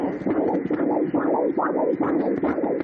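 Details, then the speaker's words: Doppler fetal heartbeat of the third and smallest triplet, estimated at about 1250 g, at 31 weeks 2 days; the mother has had contractions since 28 weeks and a short cervix. The beat is rapid and regular, about 140 a minute, in the normal range. "이게 첫째 아이 지금 심박동이고요. 큰애하고 두 번째는 거의 비슷할 걸로 생각이 되고요. 셋째가 좀 제일 적게 나갔었죠, 그동안. 셋째 한번 심장소리 한번 들어볼게요."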